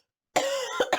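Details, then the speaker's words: Adult with a hoarse voice coughing: a voiced, throaty cough followed by two shorter cough bursts, after a brief silence. "attendez je croyais qu voilà pardon j'ai la voix enrouée pardon"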